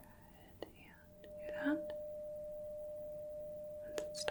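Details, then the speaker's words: Role-played, simulated Rinne hearing test: soft taps and rustling, then a struck tuning fork rings with a steady pure tone for about three seconds; tuning fork tone. "now for the Renee test I am going to strike the tuning fork and put it on the mastoid process behind the ear"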